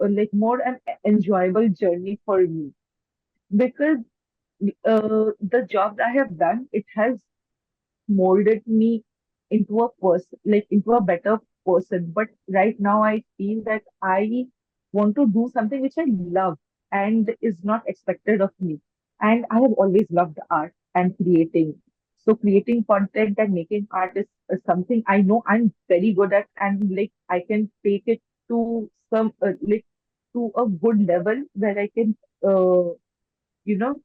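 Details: Adult woman who stammers since age four, mainly blocks where she gets stuck and cannot bring words out, worse when nervous or self-conscious; stammering.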